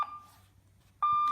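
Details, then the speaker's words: CareFusion Alaris GW infusion pump, in a veterinary anaesthesia equipment review: steady electronic beep tone that fades and repeats, the attention alarm sounding after infusion is put on hold. "while we are infusing we can hold it after a while the pump is on hold the pump will give an attention alarm in order to remind us that uh the pump is not infusing"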